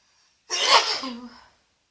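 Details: Sneeze in a female on day 2 of a congested head cold, after a bath to loosen congestion, with some nose-blowing: a single sharp, explosive sneeze trailing into a short voiced exhale.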